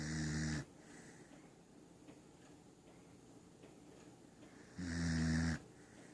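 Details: Corgi dog snoring while asleep on a lap: two low, buzzing snores about four seconds apart with quiet breathing between; regular snoring.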